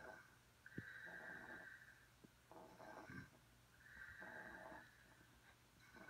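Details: Ordinary snoring during sleep from two sleepers: rough, rattling breath sounds on each inhalation, roughly every three seconds, with snorty bursts.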